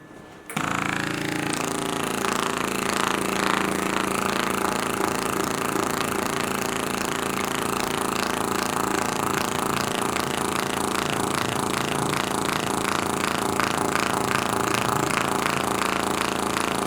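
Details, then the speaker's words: V-actor percussive massage tool on muscles and fascia around the tibia of a 23-year-old female runner with 4-month shin pain (medial tibial stress syndrome), after shockwave therapy: steady rapid mechanical hammering, about four pulses a second. "so i'm going to finish off with some reactor treatment which is looking into the muscles and fascia and also give a bit of pain relief around the structure"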